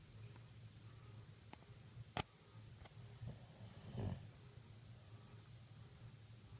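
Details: A sleeping dog snores with a low, steady rumble and a louder snorting breath partway through: snoring.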